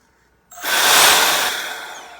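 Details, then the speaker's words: Homemade 3D-printed BiPAP ventilator built for COVID-19; spring-loaded, adjustable air release safety valve venting excess pressure, a sudden loud rush of hissing air that gradually eases. "but also as a safety component right here, this is an air release valve. Notice I turn the volume up real high."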